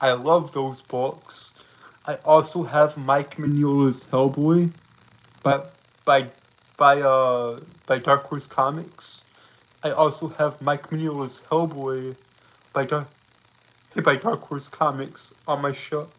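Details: Stuttering in a male streamer who says he has a speech impediment that makes him stutter and trip over his words; this stretch has repeated phrases.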